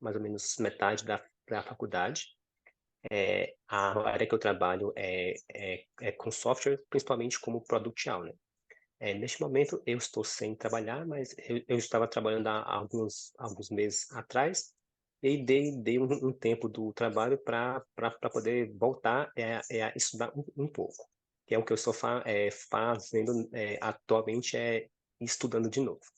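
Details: 26-year-old man with stuttering since about age 5, accepted at about 15 and now managed; stuttering.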